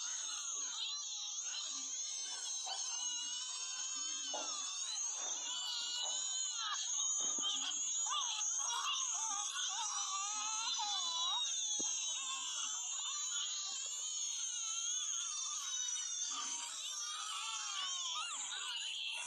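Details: Newborn baby crying with hiccups: continuous high-pitched wailing from more than one baby, overlapping without pause, with faint background noise.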